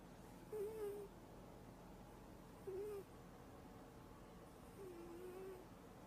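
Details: Three soft, whistling, slightly tonal snoring breaths from a sleeping cat, about one every two seconds, over faint room noise.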